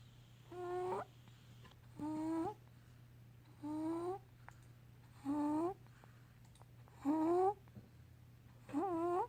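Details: Sleeping baby boy, aged between 2 and 7 months, snoring; infant snoring.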